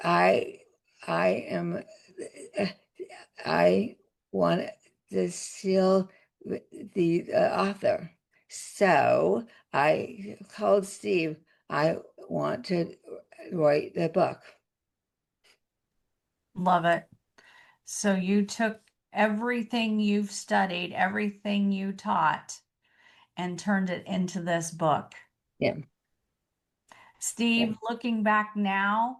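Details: Adult woman with aphasia after a significant stroke that also caused paralysis; aphasia.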